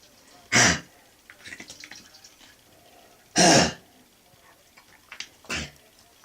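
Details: An adult dog gives three loud, harsh cough bursts with softer snorting breaths between, sounding like kennel cough; it recurs off and on for about 4 years, rarely productive except with infection and high fever.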